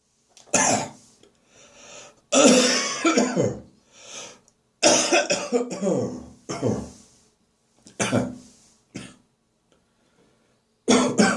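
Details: Repeated harsh, rattling wet coughs and throat clearing in bouts with quieter breaths between, bringing up catarrh in the bathroom first thing in the morning: productive cough.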